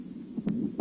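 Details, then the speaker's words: Heart auscultation at the apex in mitral regurgitation: weakened first heart sound with a blowing systolic murmur radiating to the left axilla, caused by backflow from left ventricle to left atrium. "при недостаточности митрального клапана на верхушке выслушивается ослабление первого тона и систолический шум проводящийся левую подмышечную область"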